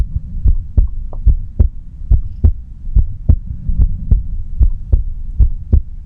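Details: Nainai's heartbeat recorded quietly without talking: steady, regular low thumps at about 73 beats a minute over a faint hum; a normal adult heartbeat.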